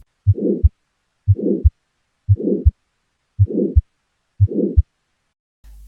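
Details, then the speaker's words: Aortic stenosis, loudest at the aortic area, right second intercostal space: five regular heartbeats at about 59 a minute, each with a harsh crescendo-decrescendo diamond-shaped ejection systolic murmur between S1 and S2. "the character would be a harsh sounding injection systolic murmur um which when we graph it it has a crescendo decrescrescendo or diamond shaped pattern."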